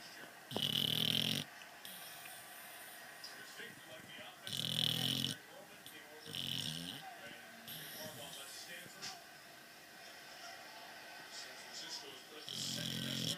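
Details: Dog snoring in sleep: loud rattling snores with each breath, separated by quieter breathing; ordinary snoring.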